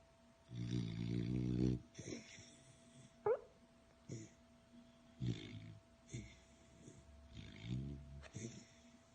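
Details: Sleeping female beagle snoring like a human: deep, rattling snores alternating with short snorts and a brief squeak in an uneven pattern.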